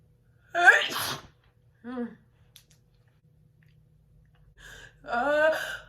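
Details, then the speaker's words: Woman sneezing for a requested personalized video: two loud voiced sneezes with a sharp intake of breath before the second, in a quiet room; repeated sneezing. "you guys haven't done these in a lot i know a while so like i'm having a lot of sneezes"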